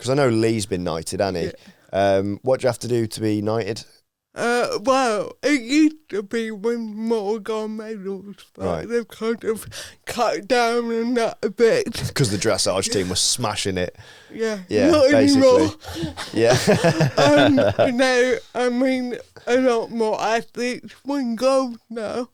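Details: Adult woman with athetoid cerebral palsy from birth, Paralympic dressage rider whose speech is affected by it, previously self-conscious about her speech; dysarthria (cerebral palsy).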